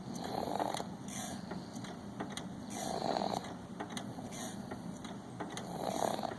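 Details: A 6-month-old infant snoring: soft, regular noisy breathing with a faint snore on each breath, about 20 breaths a minute, in a quiet room.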